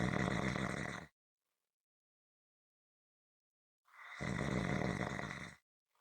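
Two loud, rough breath sounds separated by a long silent pause, consistent with snoring.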